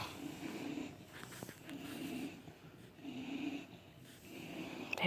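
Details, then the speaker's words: Three sleepers snoring: soft, rhythmic rasping breaths, about one every 1.5 seconds. "They're all snoring."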